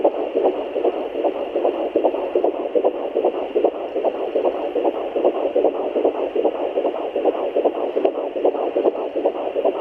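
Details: Fetal heartbeat at 13 weeks + 5 days pregnant via Doppler, with the baby moving: rapid, regular whooshing beats at about 150 a minute, a galloping-horse rhythm.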